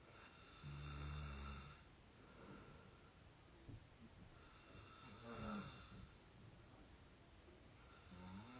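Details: 22-year-old, exhausted and out cold asleep: soft rumbling snores on slow breaths, about 4 breaths, faint background noise; snoring.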